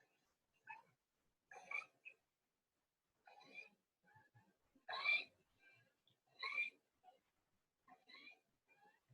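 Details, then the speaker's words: Barking cough (croup): a dry, bark-like cough, described as the hallmark croupy cough. "they kind of sound like a bark anyway that is kind of a Hallmark creppy hul like bar dry"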